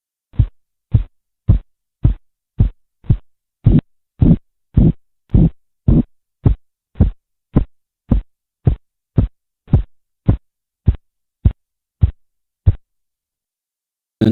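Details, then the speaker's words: Korotkoff sounds during blood pressure measurement as the cuff deflates: regular pulse taps at about 109 per minute, first heard at about 104, swelling then softening until they disappear. "luego vamos desinflando poco a poco y en cierto punto por ejemplo en este caso más o menos en 104 aparece el primer sonido cardíaco y esto se va prolongando hasta que finalmente desaparece"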